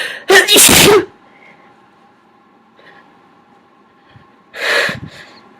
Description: I really suck at holding back. More loud, wet sneezes.